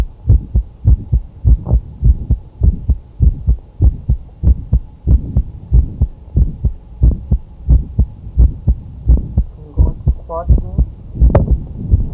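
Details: Cardiac auscultation: steady heartbeat near 95 a minute with a sharp extra click in mid-systole; mid-systolic click.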